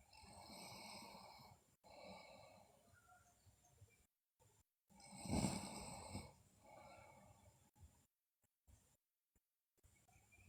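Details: Sleeping girl snoring, with slow, soft snores recurring every couple of seconds and one louder, rougher snore; recording also features bruxism and delirious sleep talk.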